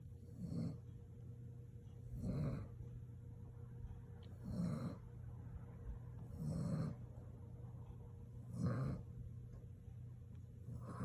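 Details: Repeated snoring in sleep: soft, low rumbling snores recurring about every two seconds, roughly 28 a minute, over a steady room hum; ordinary sleep snoring.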